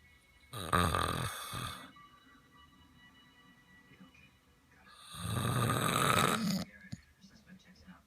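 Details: Sleeping person snoring: two loud, harsh, rattling snores about four seconds apart with quiet breathing between; snoring.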